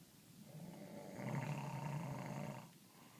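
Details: Snoring: one long, low, rattling snore on an in-breath in a quiet room.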